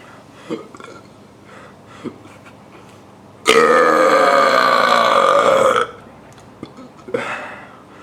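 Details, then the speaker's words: Deliberate long, loud, drawn-out belch of about two seconds against quiet room sounds, made by swallowing air into the stomach and then releasing it, in a how-to-burp demonstration; burping. "today I'm going to show you how to burp step one take air to your throat to your stomach step two let it out for best result stand up it will be easier for the air to pass"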